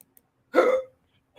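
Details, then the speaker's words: A person with hiccups talks during a live call-in chat, and the speech is interrupted by hiccups. "i got the hiccups so you'll hear uh so i'm gonna be talking funny"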